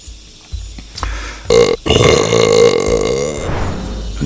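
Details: Acted roleplay burping by a male Tarzan character who says he just ate a wild boar: brief grunts, then a long, drawn-out voiced belch, with background music.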